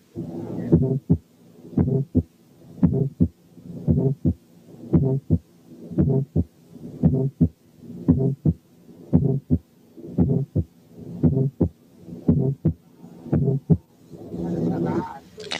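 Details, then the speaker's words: Musical functional systolic murmur heard over the tricuspid area with the stethoscope diaphragm: regular heartbeat near 57 a minute with a soft musical murmur between first and second sounds. "6 كانت ميوزيكال فانكشنال سيستوليك ميرمر."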